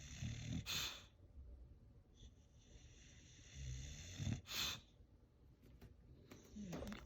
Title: Moose coughing